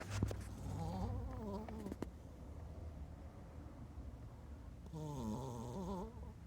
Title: snoring pupper